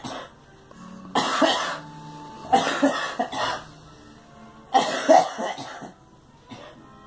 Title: Girl coughing